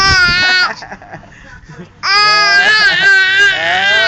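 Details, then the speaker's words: Infant crying loudly in sustained wailing bursts with brief breath breaks; baby wants to be picked up, angry, initially no tears (tears appear later); ordinary infant crying. "Bakit ikaw umiiyak? Ha? Bakit ka naiyak? Ay bakit ka umiiyak?"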